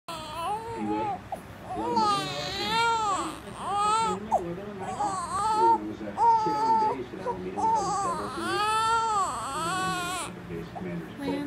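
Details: Repeated rising and falling wails with short breaths between cries from an infant during tummy time in a small room: infant crying.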